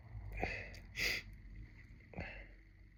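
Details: Adult sneeze, triggered by listening to another person's sneezing video with a tickly nose: a sharp, explosive burst of air after a brief catching inhalation, with quieter sniffs around it.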